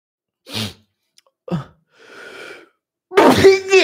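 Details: Streamer's exaggerated, possibly put-on sneeze: short breathy build-up sounds, then a loud voiced burst with a drawn-out vocal tail; sneezing.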